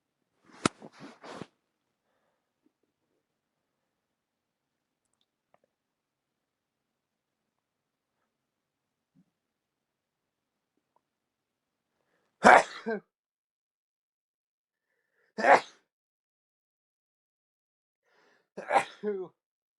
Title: Loud induced sneezes (nose blowing at the very end)